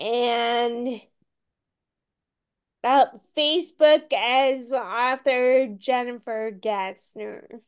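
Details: Ataxic dysarthria in a woman with Friedreich's ataxia, a rare, genetic, progressive disease diagnosed at age 16; she reports voice issues.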